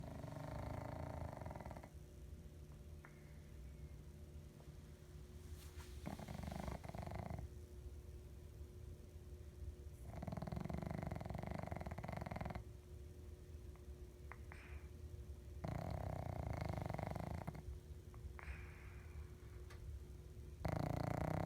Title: Piggy the pug 2013 under the tree snoring